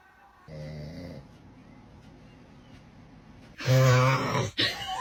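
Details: Newborn baby beside father snoring: a low snort, a pause, then a loud rough groaning snore with a sharp catch; snoring during sleep.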